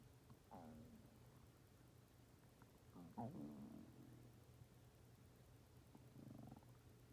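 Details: Ordinary stomach growling (borborygmi): quiet low gurgling and rumbling bursts over a steady hum.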